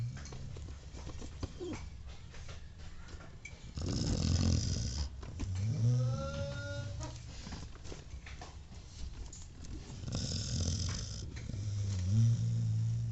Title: my dog snoring while he's sleeping